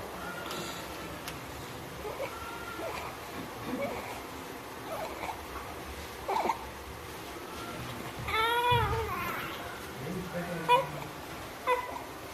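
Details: Newborn baby with laryngomalacia: soft, repeated high-pitched squeaky inspiratory stridor with each breath, presented as a typical case, with tracheal tug also mentioned.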